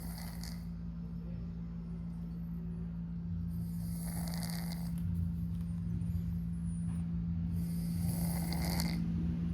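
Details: Soft, steady rhythmic snoring from a sleeping Persian cat, a snore breath every few seconds, over a constant low hum.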